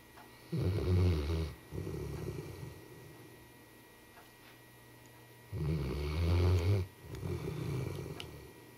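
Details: A sleeping Labrador with a pacifier gives two loud, low, rattling inspiratory snores, each followed by a softer breath out, about 5 seconds apart (roughly 12 breaths a minute).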